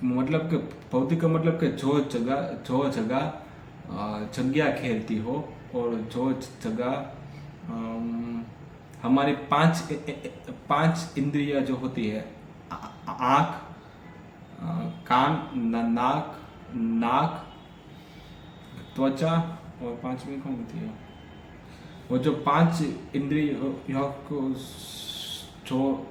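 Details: Adult man who stammers, especially on vowel-initial words and fa, pra, ja, na sounds, counting backwards in sets of ten on one breath as daily fluency practice: stuttering (stammering).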